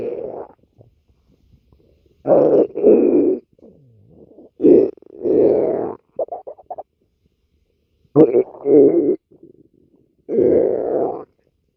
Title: Gf’s stomach growling